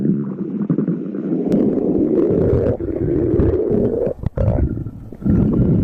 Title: stomach growling compilation